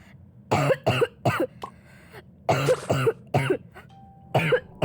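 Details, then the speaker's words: A child coughs while talking over a Roblox gameplay recording, about seven short coughs in three quick runs with voiced tails, then apologizes for the cough and voice changes. "ขออภัยนะทุกคนถ้าได้ยินเสียงไอซหรือว่าแบบเสียงแบบเปลี่ยนไป"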